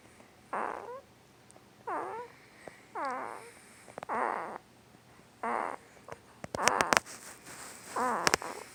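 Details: Sleeping 2-week-old newborn boy making short squeaky voiced grunts about every second, with a few soft clicks; newborn sleep grunting and snoring.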